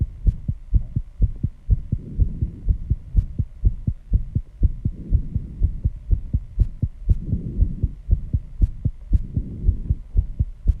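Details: Own heartbeat after intense exercise, measured at 134 bpm and loud enough to hear without a microphone at first: fast, strong, regular thumping beats with heavy breathing between; rapid heartbeat after exercise.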